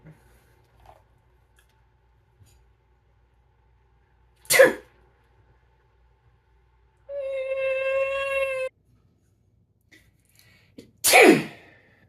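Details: Two sharp, explosive sneezes a few seconds apart with a brief squeaky voiced sound between, in a quiet room; sneezing, with different ages' sneezes mimicked.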